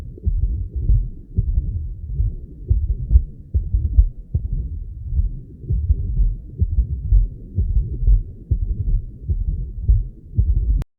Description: Patient with AF and double mitral lesion